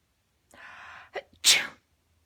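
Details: Person's playful "achoo" sneeze, to which a black cat meows while bathing herself: a soft inhaled rush, a brief catch, then one sharp hissing burst.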